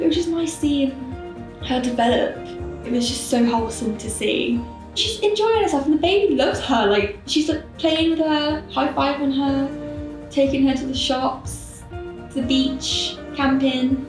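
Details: Adult woman speaking; Normal speech.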